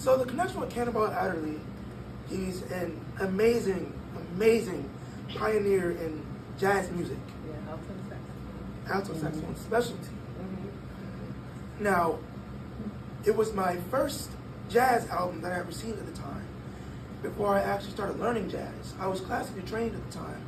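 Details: 22-year-old man born prematurely at about one pound, vocal folds developing after birth and still not closing fully; breathy, high-pitched voice from incomplete vocal fold closure.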